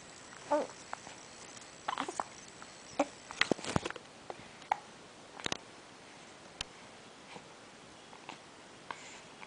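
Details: An infant aged about two and a half months with hiccups.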